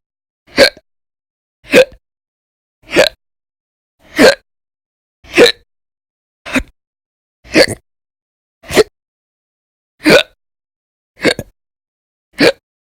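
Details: Eleven sharp, abrupt hiccups at about 51 per minute, fairly regular, over a quiet background, from persistent violent, very loud hiccups in December 2019.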